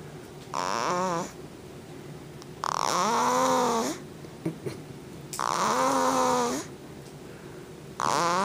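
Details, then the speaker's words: Loud, buzzy, whistling snores about 23 a minute with quiet pauses, from a sleeping 2-month-old lying on a person's belly; those present attribute it to her sitting position; snoring. "She's sawing logs at the age of 2 months. Maybe we need to get her one of those little breathe right things. No. It's because of the way she's sitting."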